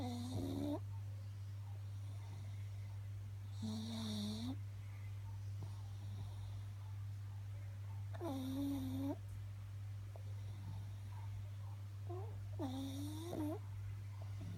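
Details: A pug snoring after a busy morning: repeated squeaky, whistling snores over a steady low hum.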